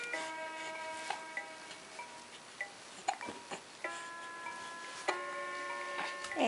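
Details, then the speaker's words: Three-month-old baby boy, happy, watching his toy mobile: brief, sharp little catches recurring every second or two over steady music-box chimes; infant hiccups. "And there he is. He's got the hiccups. But he's a happy boy this morning."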